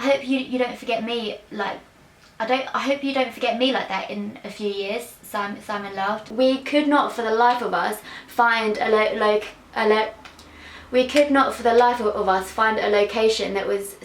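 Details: Young woman with a stutter (stammer); outtake clip with repeated words; stuttering.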